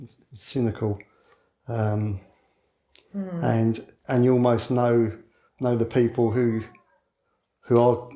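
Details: 61-year-old man who has stammered since childhood and now mostly hides it (covert stammering), so overt disfluency may be infrequent; stammering (stuttering).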